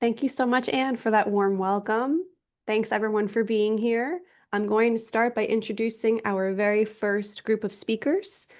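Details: Adult woman speaking; Normal speech.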